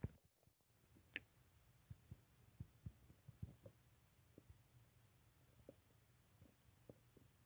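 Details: Faint, irregular low gurgles and soft pops from an adult's restless stomach at night, keeping them from sleep, over a quiet low hum: bowel sounds (stomach rumbling).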